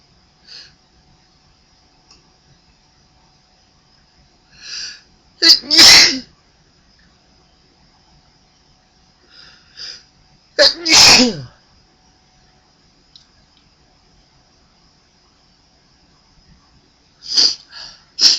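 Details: Person sneezing repeatedly: two forceful sneezes, each preceded by a short gasping intake, then a third starting at the end.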